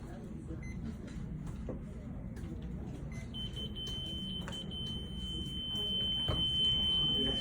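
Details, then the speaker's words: Steady high electronic alarm tone over room noise, with scattered beeps and clicks: a patient monitor alarm during a cardioversion/pacing teaching demonstration after showing normal sinus rhythm, silenced with the alarm-silence button. "When you get in that situation, you just hit alarm silence."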